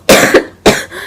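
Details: Adult has a coughing fit while talking about E3: two sharp, explosive coughs in quick succession.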